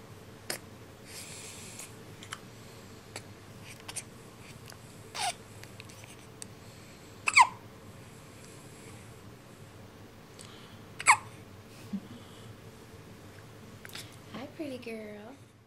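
Brief sharp hiccup bursts, about four in fifteen seconds, over quiet room noise, ending in a short whimper: infant hiccups.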